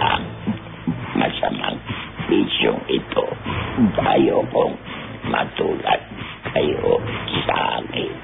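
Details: Man with laryngectomy for throat cancer after about 40 years of heavy smoking, who learned over about a year to speak with swallowed, trapped air released as a controlled burp; esophageal speech.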